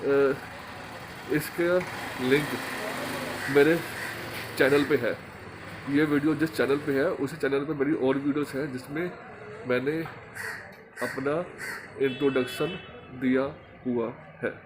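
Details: Man who stammers, speaking Hindi in a stammering association course task on emotional recovery; stuttering.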